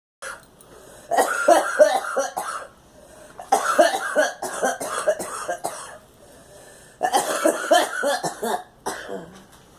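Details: Girl: three separate bouts of coughing, each a quick run of several harsh, forceful coughs, with brief pauses between bouts.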